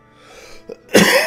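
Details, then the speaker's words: A single loud, harsh cough after a quiet stretch, faint video-game music behind; the speaker says he is still coughing a lot. "Nog steeds veel aan het hoesten, zoals jullie horen."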